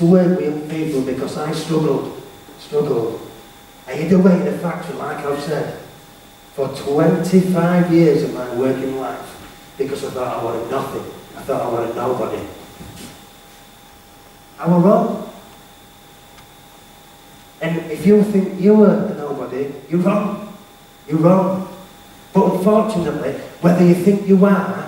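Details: Male motivational speaker with a self-described stammer/stutter, who was referred to a speech therapist, speaking live to teenagers; stuttering.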